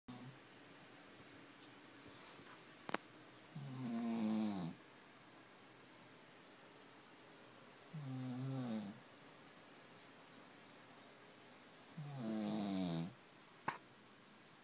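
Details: A sleeping dog snores with three slow, rattling snores on the in-breath, about fourteen breaths a minute, shown as evidence that the owner isn't the only one who snores.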